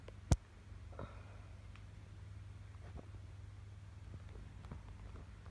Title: Cracking Joints